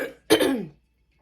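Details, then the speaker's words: Adult woman, fully vaccinated, testing positive for COVID (Omicron-era), hoarse: a single short, harsh throat-clear or cough burst after speech; cough / throat clearing. "so that's one of the reasons i stand the way i sound so if you hear me coughing throughout this video"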